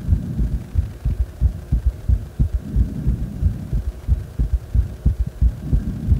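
Regular thumping heartbeat, about 90 beats a minute, somewhat quick after exercise, heard lying on the back.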